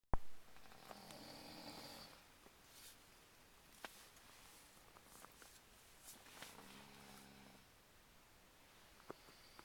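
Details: Snoring: a quiet room with a few soft, low, rumbling snoring breaths and scattered clicks and rustles; ordinary snoring.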